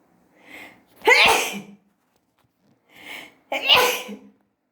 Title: Wide Nose,Loud Sneezes Philippines.